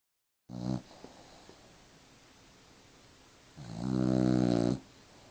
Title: Such a little girl, such a big snore!